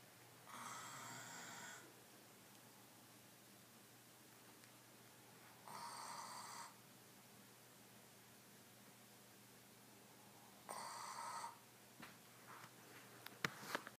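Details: Doberman snoring: three raspy, whistling breaths about five seconds apart, roughly 12 breaths a minute, in a quiet room.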